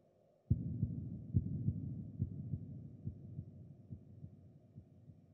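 Muffled, regular low thumps at about 71 per minute that fade slowly. A heartbeat sound effect.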